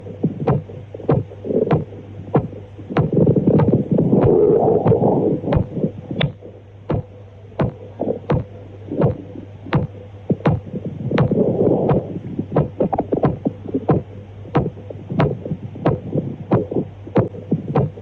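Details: Femoral artery auscultation in aortic regurgitation: sharp, snapping clicks at about 92 a minute over a low hum and rustling noise; pistol shot femoral sound (Traube's sign).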